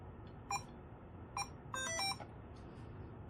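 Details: DI 2200 two-line infusion pump, channel 2 button pressed to power on: short electronic beeps, two single tones then a quicker run of beeps over quiet room hum; infusion pump power-on beep.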